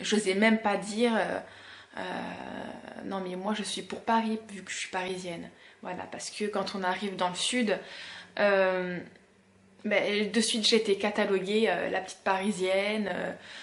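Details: 32-year-old woman who has stuttered since about age 4-6, noting it worsens when tired, rushed or emotional; stuttering.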